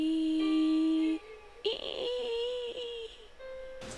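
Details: Roughness and diplophonia at highest pitch in an adult woman with hoarseness; clear going up, then a scratch, double pitch and roughness at the top of the highest-pitch task.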